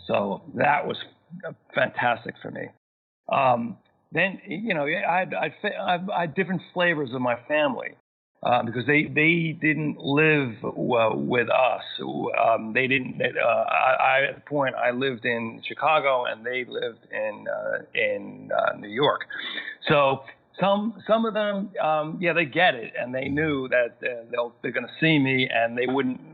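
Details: Adult male, massive stroke at age 41 causing global aphasia with lost speech and comprehension, 13 years post-onset, still needs extra time to process sentences and find words: residual aphasia after stroke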